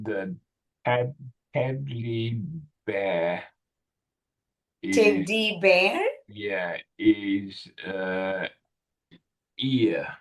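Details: 65-year-old male with Broca's (non-fluent) aphasia in a real tele speech therapy session on word retrieval; non-fluent, effortful speech with word-finding difficulty; Broca's aphasia (non-fluent aphasia).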